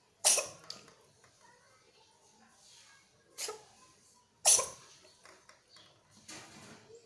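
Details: Two sharp, hissing sneezes a few seconds apart, each followed by fainter sounds, from a pregnant cat.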